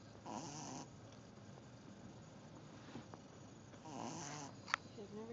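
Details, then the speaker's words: Snoring from puppies sleeping after a long day in the mountains. "The puppies had a long day in the mountains today, and all of them but Dave are snoring right now."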